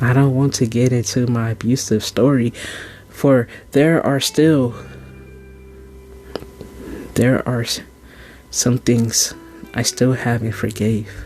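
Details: Stuttering in a man who stuttered when young and still has mild stuttering tendencies, heard during a spoken poetry performance.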